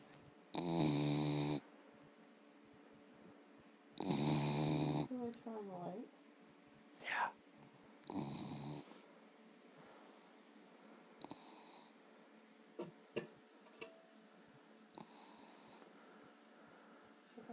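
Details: Dog sleeping, very tired after a long hike: loud, buzzy snores in irregular bursts, about 17 a minute, with quieter breaths and faint room noise between; snoring.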